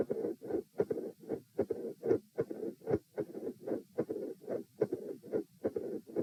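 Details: Intermittently split S1 with a mid-systolic murmur and S2 murmur, supine, recorded at position E: regular beat near 75 a minute, first sound sometimes doubled, rough murmurs filling systole.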